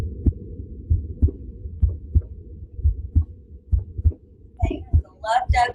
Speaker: so here's a regular heart sound all right this is just normal heart